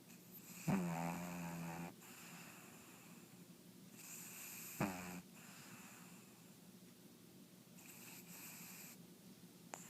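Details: Tegan, a pug: very loud rattling, snorting snores with fluttering vibration on the breath, about 15 a minute, with quieter noisy breaths between; snoring in a small dog.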